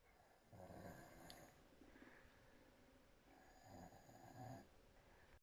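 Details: Woman asleep with her mouth opening wider and wider, soon after falling asleep: two soft, fluttering snores on the in-breath with quieter out-breaths; ordinary open-mouth snoring.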